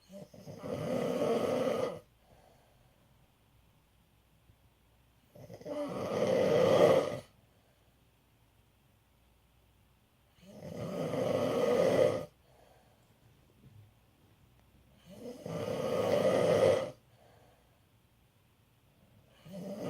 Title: Dad Snoring